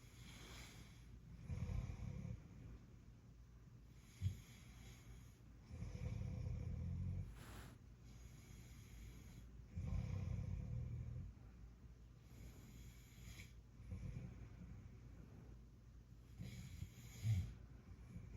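Low, rumbling snores recur with each breath, about every three to four seconds, with quieter breathing between them.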